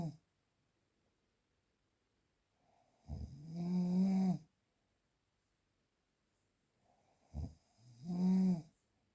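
Two loud, rattling snores on breathing in, separated by quiet pauses, at about 14 breaths a minute: ordinary snoring.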